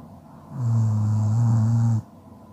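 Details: Snoring, ASMR sleep recording: one steady, low, buzzing snore lasting about a second and a half, with quiet breathing before and after.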